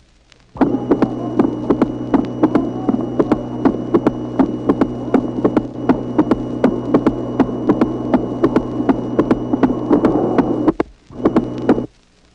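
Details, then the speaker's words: 1966 teaching recording of a patient with a Starr (ball-in-cage) prosthetic mitral valve: the moving ball gives sharp, crisp clicks at the first heart sound and opening snap, in a regular rhythm with a steady hum behind. "Auscultation d'un malade porteur d'une valve mitrale artificielle. La petite balle de plastique en se déplaçant crée des claquements qui correspondent au premier bruit et au claquement d'ouverture. On reconnaît ces claquements artificiels à leur timbre particulier."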